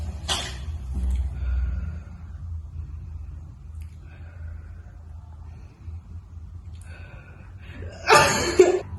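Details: Simulated nursing demonstration of effective cough exercise in a seated woman: deep breath held 2 seconds, audible breaths out through rounded lips, then one forceful cough to clear airway phlegm.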